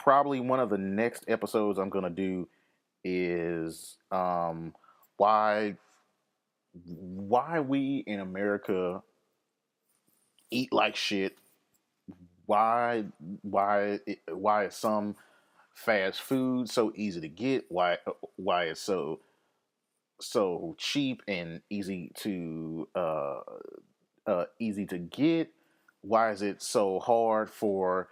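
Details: Adult man with lifelong occasional stammer, which he links to his anxiety; word repetitions are heard; stuttering.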